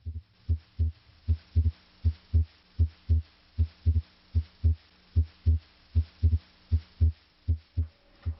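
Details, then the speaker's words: Heart auscultation at the aortic and pulmonic areas during deep breathing: physiologic splitting of S2 into A2 and P2 on inspiration, fused into a single S2 on expiration. "breathe deeply this physiologic split of s2 a and s2p normally occurs during inspiration during expiration however these two components are fused into a single sound s2"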